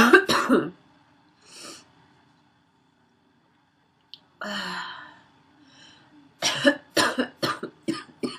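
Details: Adult woman: harsh barking coughs in clusters, with a noisy, wheezy breath drawn in between bouts; wheezy barking cough.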